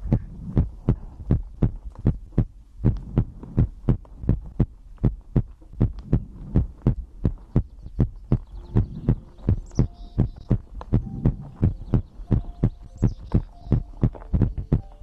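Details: ASMR heartbeat compilation for sleep: regular low heart thumps at roughly 80 a minute with faint tones and chirps in the background; normal heartbeat.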